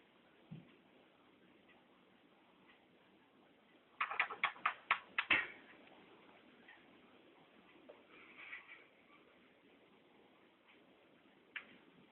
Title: Кашель попугая